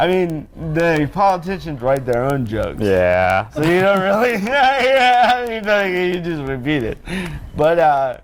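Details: Dysarthria in an adult man born with cerebral palsy.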